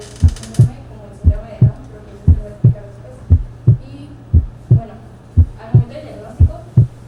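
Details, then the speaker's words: Heart sounds with a regular rhythm at about 58 per minute and dull, muted beats; a soft, muffled first heart sound, as when the AV valves are partly closed at ventricular contraction. "si las válvulas han vuelto a una posición de cierre y por lo tanto se encuentran parcialmente tensas en el momento de la contracción ventricular, el ruido generado está considerablemente disminuido y apagado."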